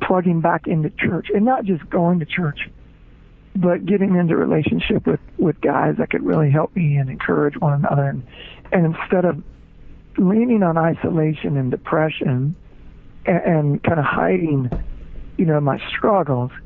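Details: Man, former rock band lead singer, diagnosed with spasmodic dysphonia (involuntary spasms of the muscles around the larynx) that left him unable to sing; spasmodic dysphonia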